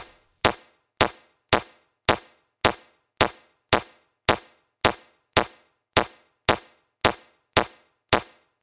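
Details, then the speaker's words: Mindray C-series AED in a training demonstration: sharp, evenly spaced metronome clicks at about 107 per minute pacing chest compressions, 30 compressions then two rescue breaths, after a no-shock analysis. "alusta kohe elustamisa järgi metronoomi et teha 30 korda sdamemassaaži ja kaks suustuhu hingamist"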